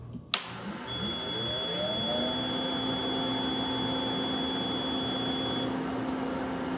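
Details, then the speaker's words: Click, then compressor winds up to a steady hum with a constant high tone as a Companion 5 stationary home oxygen concentrator is switched on with its power button; concentrator starting up and running. "to power on the unit simply press the button upward"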